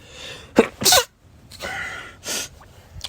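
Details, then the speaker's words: Pollen allergy sneezing, with stifled sneezes added toward the end: quick gasp and forceful sneeze, then softer breathy bursts possibly stifled sneezes; allergic rhinitis. "Someone told me to do some stifles, so I add those in there towards the end of this one."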